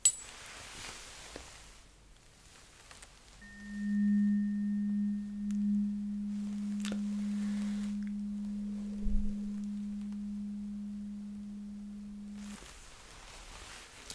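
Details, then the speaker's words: Acted ASMR ear-exam role-play: a struck tuning fork rings a steady pure low tone for several seconds, placed on top of the head in the middle to check whether sound is heard symmetrically; soft taps around it. "And now I will put it right at the top of your head in the middle and you will let me know if you heard this sound symmetrically on both sides."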